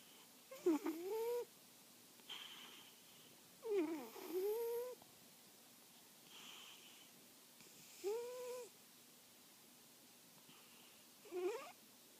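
Quiet, squeaky, whistling snores on each breath, about four in twelve seconds, with softer breaths out between them.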